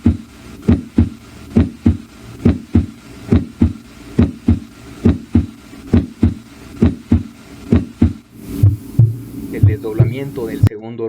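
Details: Regular heart sounds at about 68 beats a minute with a split second heart sound, described as normal in young people; brief noise and background music at the end.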